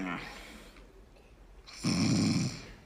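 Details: Imitation snoring in a stage comedy sketch: one loud, rumbling snore after a quiet pause.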